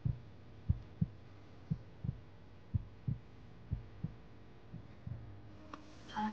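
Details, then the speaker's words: TV drama scene: regular soft whooshing thumps around 140 a minute on ultrasound Doppler of an eight-week embryo's primitive heart tube pulsation, the early fetal heartbeat, heard before a planned abortion. "这是什么声音啊？这是原始心管搏动，就是孩子的心跳声。"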